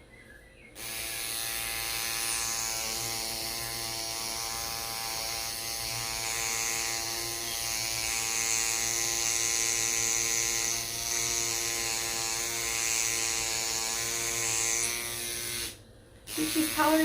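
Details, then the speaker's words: Microneedling pen running on neck skin during a neck and décolleté rejuvenation treatment with stem cell growth factors after topical anaesthetic, described as painless vibration: steady high-pitched motor whine with fast buzzing, stopping briefly near the end. "yep vibration just the vibration okay this is a very painless procedure if it's not a painless procedure you're going to the wrong person"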